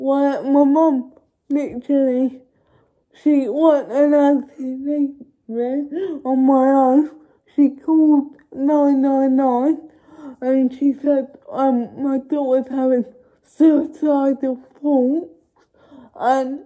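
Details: Adult woman with cerebral palsy speaking to camera; dysarthria (cerebral palsy).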